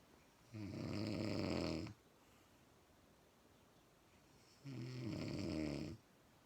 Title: she snoring again